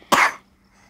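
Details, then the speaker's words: A young boy, whose mother says he has been coughing a lot, gives a single short, sharp cough in a quiet room at home around mealtime. "আর আমার ছেলেকে দেখতেই পাচ্ছ কতটা কাশছে, কতটা পরিমাণে, তোমরা নিশ্চয়ই শুনতে পাচ্ছ।"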